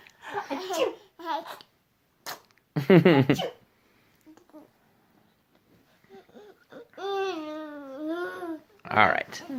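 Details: Baby makes a couple of short, forced sneeze-like bursts amid babbling and laughter: an imitation, fake sneeze, not a real one.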